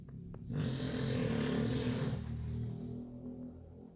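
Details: Sleeping Chow Chow dog snoring: a single long, coarse, rattling snore on one breath, fading at the end.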